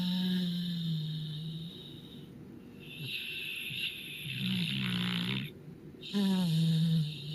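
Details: Puppy/dog Cleo snoring very loudly during sleep, only the tail end recorded: loud, rough, low snores repeating with each breath, with faint room noise.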